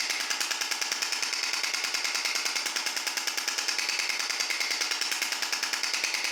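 Steady, rapid mechanical tapping at about 146 pulses a minute: an extracorporeal shock wave therapy device firing its repeated pressure pulses.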